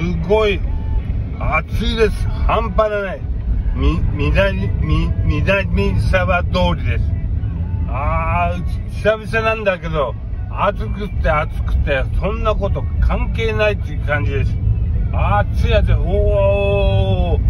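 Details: Aphasia after a brain hemorrhage in a man with hemiplegia/paralysis; aphasia.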